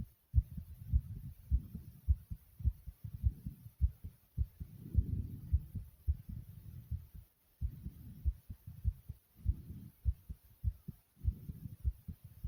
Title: Thumping Fast Heartbeat Sound ❤❤❤